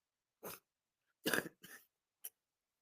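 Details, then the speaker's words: Adult man coughing while speaking, currently working through a head cold. "Your boy is going through the head cold. Got a head cold right now that that I'm working through."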